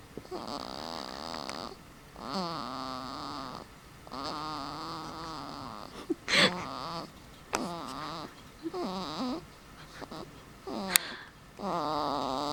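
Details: Sleeping infant making squeaky, whiny noises and snorty, snore-like sounds on the breaths, with brief pauses; infant noisy breathing during sleep.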